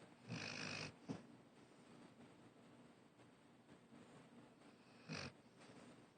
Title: Blue Pitbull named Lilly Snoring